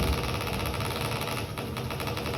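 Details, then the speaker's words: Triggered single fiber EMG, time base 0.5–2 ms per division: steady, fast, sharp, crisp crackling buzz of a repeatedly firing single fiber potential, roughly biphasic or triphasic, about 1–2 ms duration. "It has a roughly biphasic or triphasic waveform. You see, this is phase 1, phase 2. It is biphasic or triphasic. It has a very short duration, maybe about 1 to 2 milliseconds."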